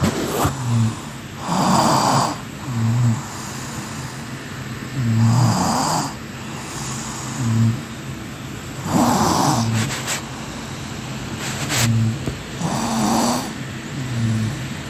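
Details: Loud, rough snores with each breath in, about 16 a minute, over steady room noise; ordinary snoring, sound effect.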